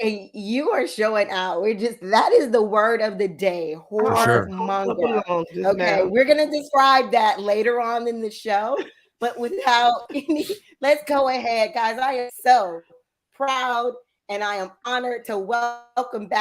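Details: Adult woman speaking; ordinary speech.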